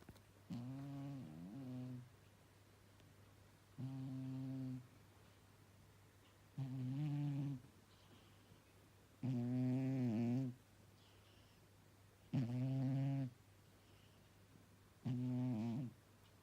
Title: Chupi snoring